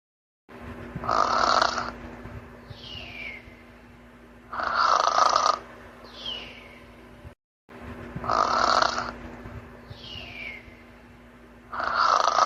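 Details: Loud rasping snores about every four seconds, each followed by a soft whistling breath out, over a steady hum; snoring during sleep.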